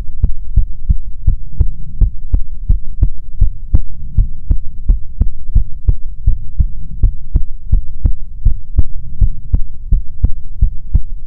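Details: ASMR recording of soothing heartbeats: steady thudding paired beats at about 85 a minute over a low hum, regular rhythm; normal heartbeat.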